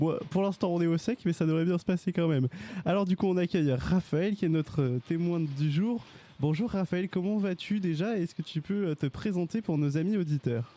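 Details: Adult speaker; normal voice.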